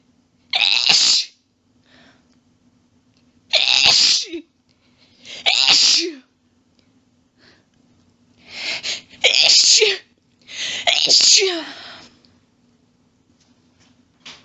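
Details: Female with a long sneezing fit: six forceful sneezes in quick succession, many in rapid runs and quadruples, with quiet gaps; some coughing from losing breath.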